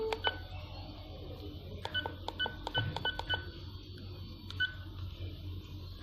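Short electronic beeps, single and in quick runs, over a low room hum: keypad presses while an infusion pump is being programmed.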